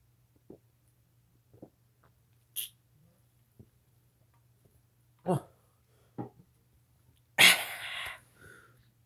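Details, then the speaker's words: Person deliberately trying to make themselves sneeze, with tickling, in a quiet room: one loud, explosive sneeze with a hissing tail; sneezing. "I'm trying to make myself sneeze for Ed Gold for Ed's World."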